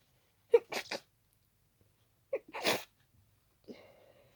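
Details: Sneezing attack of unknown cause after an hour of itchy nose, with the tickle worsening and the nose becoming stuffy: two sharp, explosive sneezes, each with a quick inward breath before, then a short snuffle.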